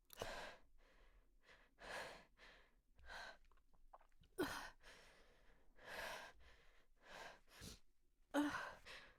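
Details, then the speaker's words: Female's hitchy sneeze buildup: irregular catching, gasping inhalations with breathiness, soft voiced sighs and false starts, about 15 a minute, before strong sneezes; pre-sneeze hitching breaths. "I'm gonna sneeze. Oh, God. Oh, fuck."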